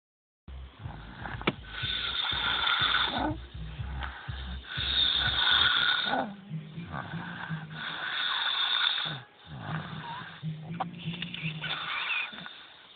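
Long, noisy, fluttering breaths repeating with short pauses, consistent with snoring.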